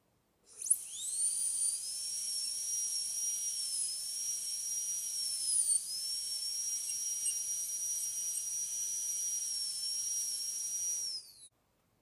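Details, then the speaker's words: High-speed dental handpiece cutting depth grooves on tooth 46 during teaching demonstration of full veneer metal-ceramic posterior crown preparation, lingual side: steady high-pitched whine with small pitch dips as the bur meets tooth. "So I am going to angulate the burr 45 degrees to the axial wall and going to give 2 depth grooves."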